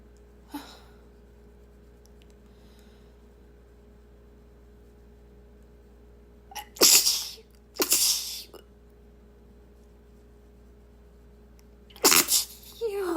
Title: Girl sneezing compilation